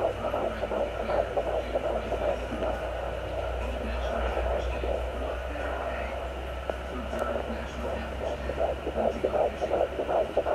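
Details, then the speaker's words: Rapid whooshing pulse near 158 per minute under bumps and scraping: fetal heartbeat on a home fetal Doppler at 13 weeks of pregnancy, probe just below the stomach, with noise from the baby kicking and moving. "as you can tell the baby keeps moving and that noise is actually the baby like kicking or moving around in"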